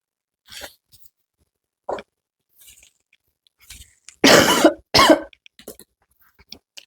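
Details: Several short dry coughs with two louder, fuller bursts in the middle and faint throat noises between, from a sick student with a sore throat and low energy who is taking tablets; ordinary cough during a mild illness.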